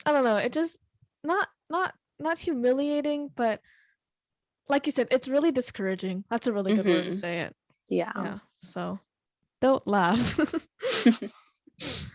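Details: Teenager who stutters: stuttering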